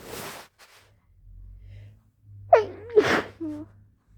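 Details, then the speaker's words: A powerful forceful sneeze with a sharp intake and explosive burst, then a brief vocal sound, within a sneezing fit; the person is sniffly, thinks they are getting sick, and says these are not allergy sneezes. "Sorry. [snorts] God damn it. What's wrong with me? I think I'm getting sick. Those are definitely not allergy sneezes."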